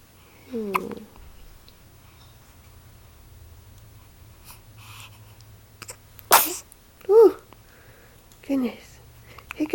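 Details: Three-day-old baby who ate too fast: a sharp sneeze and several short squeaky hiccup bursts, ordinary newborn sneezing and hiccups.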